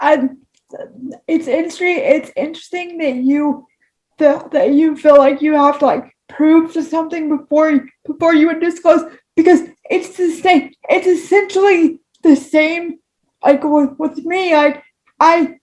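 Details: Woman with cerebral palsy whose spasticity affects her speech; she reports talking takes her longer: spastic dysarthria due to cerebral palsy.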